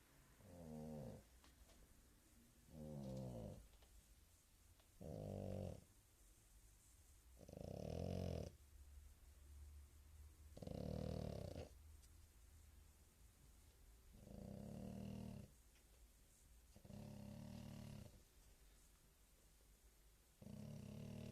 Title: snoring